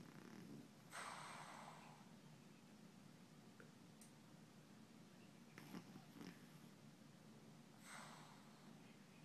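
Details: Twitchy sleeper snoring gently: quiet, soft rasping breaths with a few faint snorts over room hiss.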